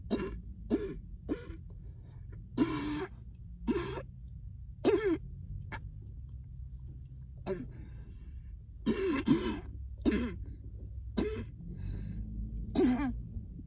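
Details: An adult has a prolonged coughing fit triggered by cold air, with about a dozen short, harsh bursts.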